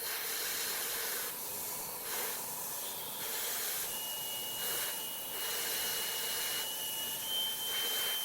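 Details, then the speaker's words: Steady loud hiss of compressed air in bursts with a faint high whine: a dental air syringe drying a phantom tooth during veneer preparation, with water spray reduced. "that is you can dry it more often and I cut the water a little"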